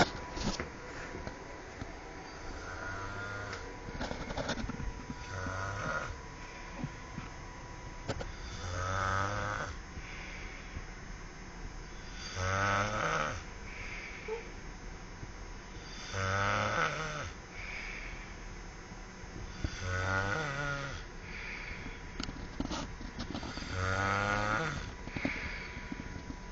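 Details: Loud, rhythmic snoring with a musical, moaning quality on each breath, about 16 snores a minute.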